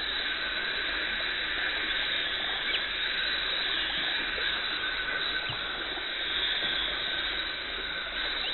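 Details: Dental hygienist cleaning teeth to remove tartar and plaque: steady high hiss and scaler whine with watery suction noise throughout, the sound of dental cleaning instruments at work.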